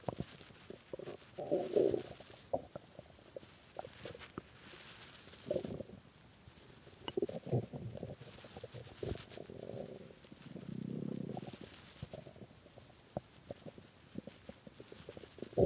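Repeated low gurgles, bubbling pops and a drawn-out growl over a quiet background; stomach growling from hunger.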